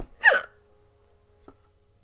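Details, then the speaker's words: Adult woman with sudden hiccups while reading a book aloud on a live stream; the hiccups made her eyes water and her tummy hurt. "Oh no, I think I am. Oh, crap. This is not a good time to be getting hiccups."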